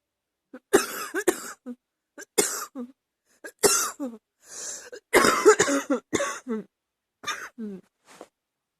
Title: # 23 Harder times... cough is cooking in my chest